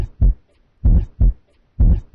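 Low-pitched, drawn-out rumbling sounds come in pairs, repeating at roughly 65 a minute, fitting a rumbling heart murmur.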